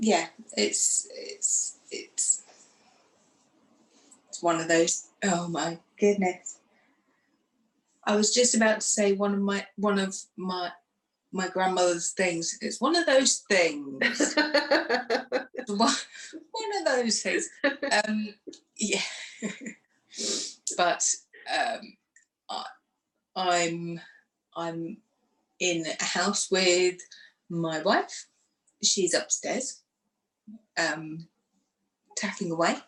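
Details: Aphasia with word-finding difficulty, fillers and restarts in a woman after a stroke two days after a hysterectomy in 2018, aged 44, which left her unable to speak.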